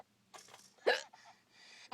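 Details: A mother has the hiccups: quiet breathing, then one sudden, loud, voiced hiccup and the start of another at the end; hiccups.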